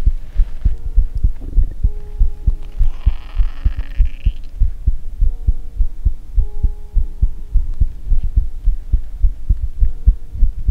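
Loud, regular deep heartbeats at about 100 a minute with faint tones in the background; an ordinary heartbeat.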